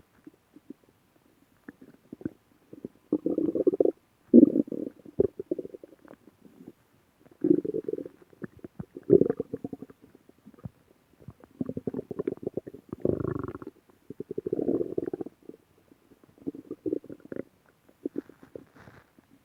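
Bursts of gurgling, bubbling rumbles coming and going irregularly: stomach growling, ordinary bowel sounds.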